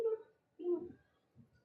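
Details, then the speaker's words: Imitated hypoactive rabbit bowel sounds, as heard by stethoscope low on both sides of the abdomen over 15–20 seconds: a few soft, brief gurgles, meaning the gut is slowed but not totally shut down. "A really silent gut will not make any noise in that frame of time, but if you hear like little,"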